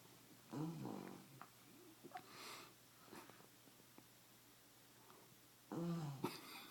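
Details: A sleeping dog gives two short rattling snores with soft breathing noises between: snoring.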